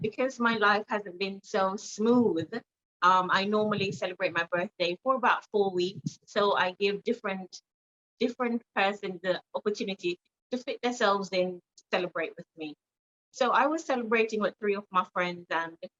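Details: Jamaican woman with foreign accent syndrome after a car accident; her neurologist attributes it to head trauma causing a stroke and swelling between motor and language areas; accent shifted from American to Trinidadian to British and stayed British; foreign accent syndrome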